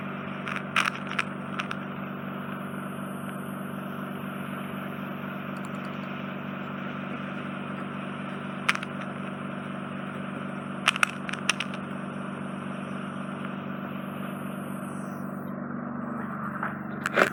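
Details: Endoscopic microsuction of soft wet wax fully occluding a woman's inflamed, heavily scarred (tympanosclerotic) eardrum: steady suction hiss with low hum and brief crackles and clicks as wet wax is cleared near the eardrum.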